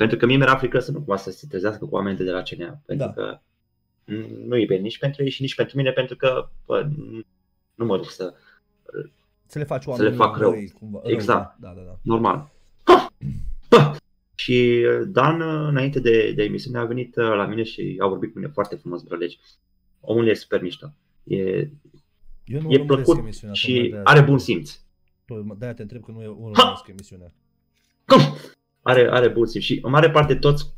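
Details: Vocal tics, such as 'psi', 'psam' and 'pa pa pa', in a male comedian with Tourette syndrome, occurring throughout; finding: Tourette syndrome (vocal tics).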